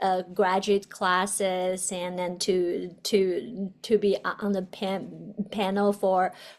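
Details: Adult woman, a doctoral student who describes herself as a person who stutters; stuttering.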